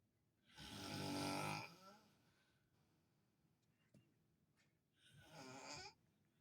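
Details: Adult man, a father, asleep and snoring loudly while staying with a hospitalized family member, as nurses come in to give hydration: two loud, rough inspiratory snores separated by quiet pauses in a still room; ordinary snoring.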